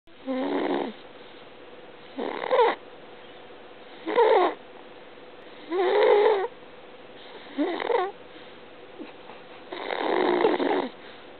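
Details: Snoring during sleep: six rhythmic, vibrating snoring breaths, about 34 a minute, in a quiet room.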